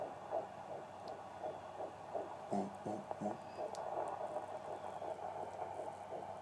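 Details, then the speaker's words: Fast, soft whooshing pulses of a fetal heartbeat heard on a home fetal Doppler, in the 150s beats per minute and called perfect, with the mother's slower beat and tummy rumbling noted nearby. "Can you hear the heartbeat, honey? It's in the 150s. It's perfect."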